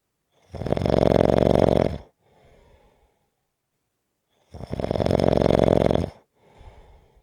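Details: Snoring: loud, rattling snores on each breath in, each followed by a soft breath out, about 15 breaths a minute.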